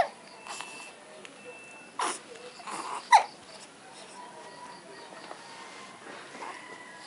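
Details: Infant's first hiccups: a few brief, abrupt little catches spaced about a second apart, with quiet room noise; hiccups.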